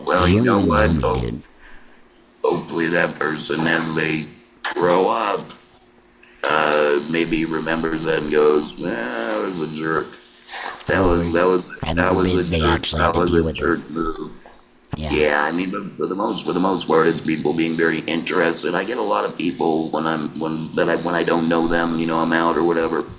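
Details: Laryngectomee man speaking with an electrolarynx, who earlier used an intraoral adapter: electrolarynx speech.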